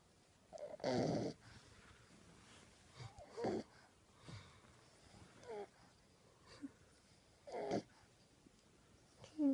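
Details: 10-week-old French Bulldog puppy snoring while asleep, tongue sticking out and wiggling: soft, irregular snorting snores with small squeaky breath sounds.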